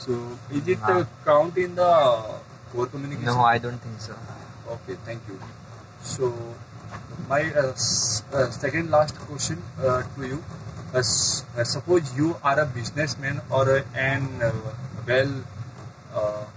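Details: Adult man who stammers and says he gets stuck on words; stammering.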